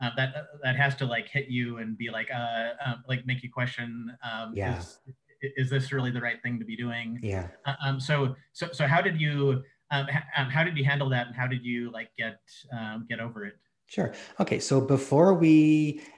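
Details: Adult man who says he has cluttering, a fluency disorder, speaking conversationally in an interview; cluttering.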